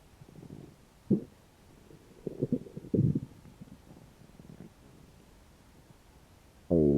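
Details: Stomach growling after about 12 hours without eating: low gurgling rumbles and squeaks from an empty stomach, ordinary hunger borborygmi.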